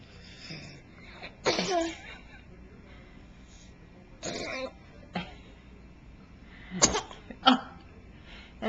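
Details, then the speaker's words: Child coughing during breakfast, recorded with a Flip Video camcorder: several harsh, separate cough bursts with quiet room sound between them, described as a nasty, bad cough. "a nasty cop that's real bad yeah"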